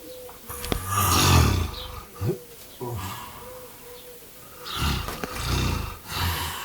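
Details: Snoring from a man described as fat, who reportedly snores until he vomits.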